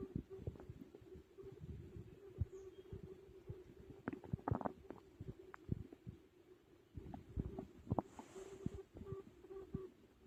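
Irregular gurgles, pops and brief rumbles from the belly over a low steady hum; ordinary stomach growling while digesting a meal.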